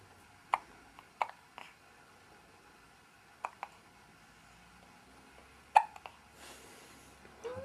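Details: Recurring hiccup attack: repeated short, sharp hiccups, about six to eight in under eight seconds, in a quiet room; hiccups.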